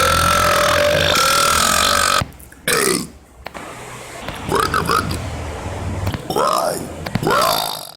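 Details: Man deliberately burping in a compilation clip: several loud, drawn-out voiced belches, some long, with short gaps and background noise.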